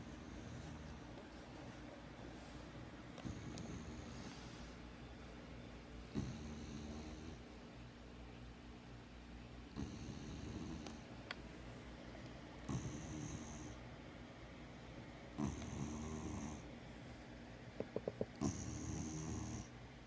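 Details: Sleeping spayed female former street dog, treated for worms and heartworms, eyes open while asleep: soft snores about every three seconds, roughly 20 a minute, over steady background hum; snoring.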